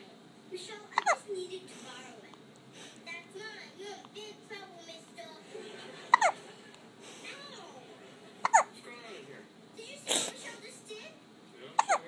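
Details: Sleep hiccups in a 3-4 week old: brief sharp catches every few seconds over soft voices and giggling in a small room.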